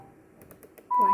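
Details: Soft taps then a clear, steady electronic beep from a ventilator in VC-SIMV mode as the flow trigger is adjusted in additional settings during a teaching demonstration; ventilator control beep.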